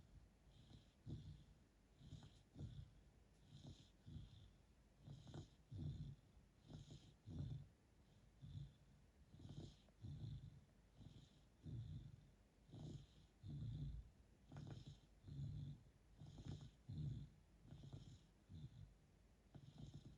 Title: Black Lab Snoring in Crate